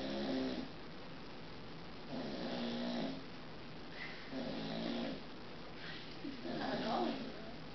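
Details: Soft, rough snoring on each breath, about four breaths in eight seconds in a quiet room, from a 7-month-old American Bulldog puppy sleeping after an energetic walk; snoring.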